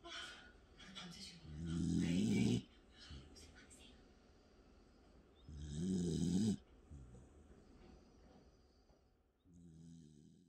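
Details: Bedlington Terrier snoring while asleep, unusually heavily after a tiring day: slow, rattling, low snores on each breath, about three in ten seconds, with quieter airflow between.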